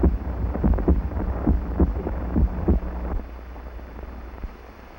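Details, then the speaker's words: Amplified heartbeat from a 1938 film, sound heard by stethoscope amplified thousands of times; low, muffled thumps over steady hum, fading after about three seconds. "The sound of the beating heart, heard only by the physician with his stethoscope, has been amplified thousands of times. We see the heart and still more fantastic. We hear it beat."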